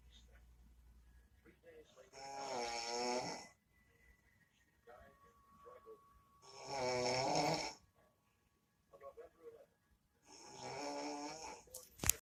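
Three rough, buzzing snores on inhalation, about fourteen a minute, with soft breathing noises between.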